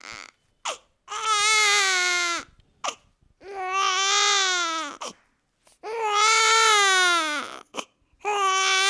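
Rhythmic, strong wailing cries of a few seconds each, separated by quick gasping breaths; a vigorous newborn cry.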